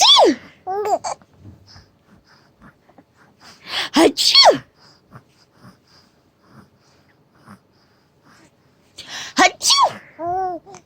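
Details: Mother sneezing: several sharp sneeze bursts separated by quiet gaps, with a baby's laughter and babble in between.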